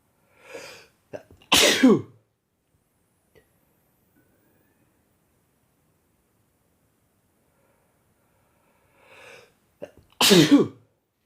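Two sharp, explosive sneezes, each preceded by a short indrawn breath, separated by quiet; ordinary sneezing.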